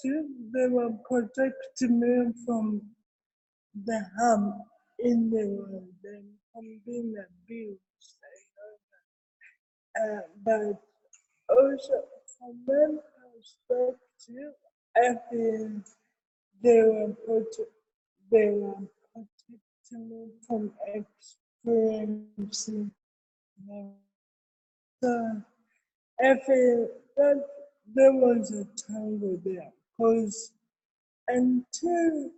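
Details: Adult woman with cerebral palsy, with dysarthria.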